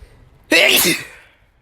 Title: Really Strong Sneezes (m)